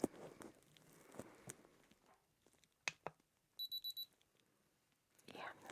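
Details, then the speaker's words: Simulated role-play doctor exam for suspected allergy with respiratory symptoms and rash: ear thermometer placed in ear gives a short run of high electronic beeps after quiet rustling; temperature reading normal. "So I'll just pop this inside your ear. Just hear a little beep."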